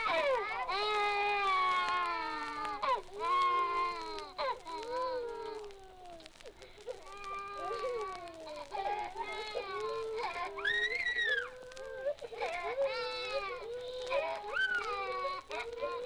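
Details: Archival nursery recording of infant crying, digitized from a 78 rpm record: loud, sustained wailing cries with rising and falling pitch and brief whimpers between.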